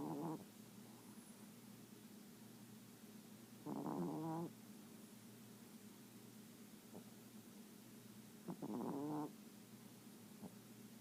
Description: This is how my little Chihuahua, Luna, sounds when she's sleeping.